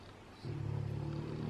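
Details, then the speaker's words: A dog's low, steady rumbling snore in the background while it sleeps, starting partway through and continuing to the end as its owner talks; snoring. "really sorry if you can hear my dog snoring i'm not going to wake him up because that's mean"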